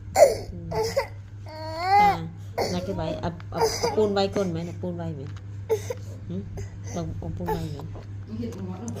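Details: Infant crying in rising and falling wails and sobs, with adult voices in the background.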